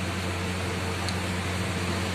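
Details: A portable electric oxygen concentrator, just switched on with the power button, running: a steady low motor hum with a faint airy hiss.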